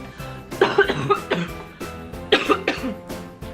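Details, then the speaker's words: Adult woman with sinus allergies from strong winds, waking daily full of phlegm and mucus, not a cold: several short, harsh coughs in bursts with throat clearing. "Like, I wake up every day just like full of phlegm and mucus. It's fucking disgusting. It sounds like I have a cold, but I don't. This is just my allergies."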